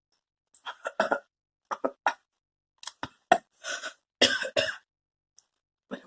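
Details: Coughing after smoking Takis during a challenge: repeated harsh cough bursts in clusters, about a dozen over six seconds, some dry and some rougher; irritant cough after inhaling smoke.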